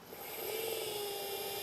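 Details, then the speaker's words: Steady high-speed whine with a faint grinding rasp as a 1.2 mm pilot drill with an 8 mm stop, run at full speed, cuts a practice jaw for 2.9 x 12 mm Zest LODI implants; dental implant pilot drill. "the first step is to go ahead and take your 1.2 with your eight millimeter osteotomy drill stop right at your midline marker and what i like to do is run this at full speed"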